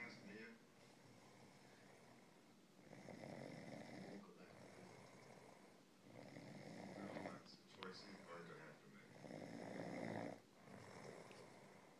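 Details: Rough, rattling snores on the in-breath, about every 3–4 seconds, against quiet room noise; ordinary snoring.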